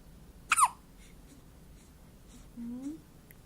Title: 0817 hiccup